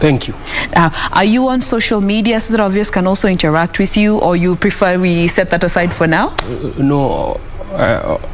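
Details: Adult woman; typical speech.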